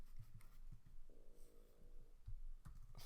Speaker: that was my stomach if anyone could hear that